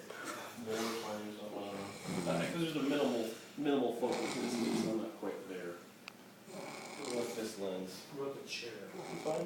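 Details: Adult man snoring loudly while asleep on an off-roading trip in Moab, Utah: rough snores with rattling throat vibration, roughly every few seconds, in a small room.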